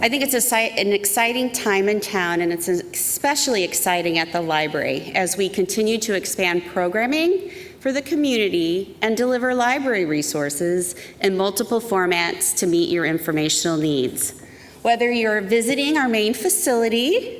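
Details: Adult woman speaking; Normal voice.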